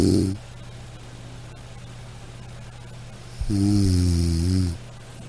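A low, buzzing, droning snore on one in-breath, plus the tail of another, over a steady room hum. Ordinary snoring.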